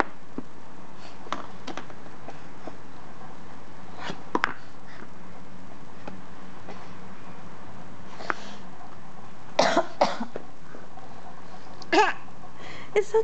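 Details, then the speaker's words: Several short, separate adult coughs from a mother in a quiet small room with low background noise, while her baby cries at each cough: cough. "okay, it's okay. Oh, just mommy coughing."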